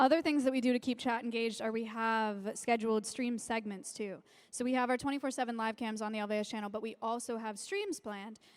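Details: Adult woman speaking; normal speech.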